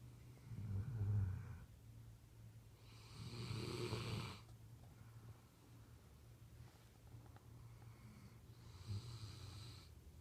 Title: Where Snoring dogs lay ❤️